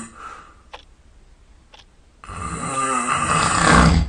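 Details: Sleeping at night, sound asleep and snoring all night: quiet room, then a loud, rough, rattling breath sound building over a couple of seconds; snoring.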